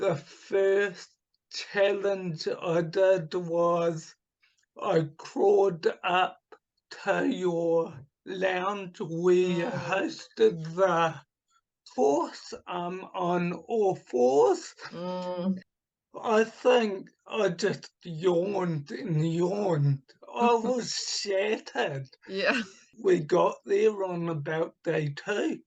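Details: Adult man with cerebral palsy from oxygen starvation at birth, affecting his right hand and speech; speech has improved markedly but is not back to normal; he also recovered from chronic fatigue syndrome and chronic pain; dysarthria (cerebral palsy).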